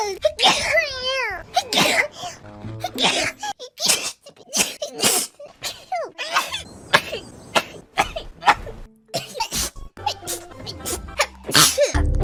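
Rapid string of short explosive sneezes from several voices, mixed with voiced squeals and brief laughter, with music in the background.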